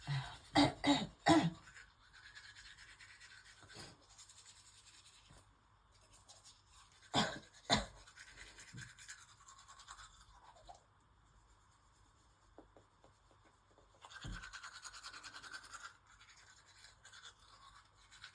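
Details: Short harsh coughs in scattered clusters while brushing teeth, with toothbrush scrubbing between them. Asthma is worsening, and the coughing fit brought on nausea and vomiting; asthmatic cough.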